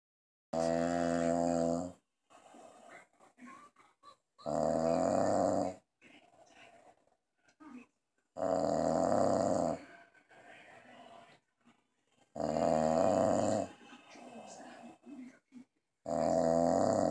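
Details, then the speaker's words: Man (husband) snoring while asleep, reportedly passed out after drinking: loud, regular rattling snores on each in-breath, about 15 a minute, with quieter breathing sounds between. "okay that's definitely somebody passed out after drinking the TV is on the Spanish station and he doesn't speak Spanish so I can understand why he went to sleep"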